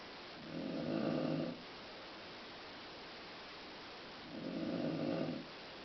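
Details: Two rough, rumbling snores about four seconds apart, each lasting around a second, with quiet breathing between them; an adult woman (mother) snoring during sleep.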